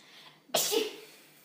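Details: Comedy skit acting out types of sneezers: a single sudden explosive burst of air with a hissing release, one performed sneeze.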